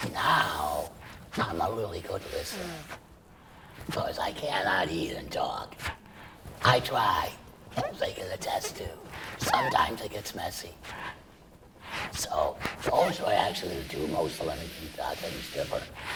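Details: Adult man treated for laryngeal cancer with surgery and chemoradiation, then total laryngectomy separating esophagus from trachea; breathes through a stoma and speaks with a tracheoesophageal puncture voice prosthesis. Tracheoesophageal speech after total laryngectomy.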